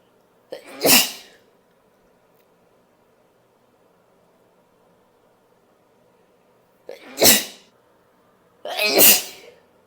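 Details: Woman sneezing powerfully: three forceful sneezes, each with a quick breath in before a sharp burst, separated by quiet pauses.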